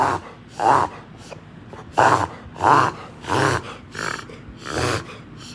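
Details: Black Labrador with kennel cough, thought caught at the groomers: a run of about seven short, harsh, honking coughs in quick succession.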